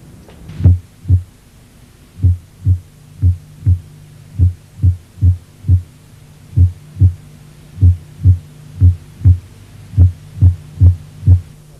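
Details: Atrial fibrillation (irregularly irregular rhythm).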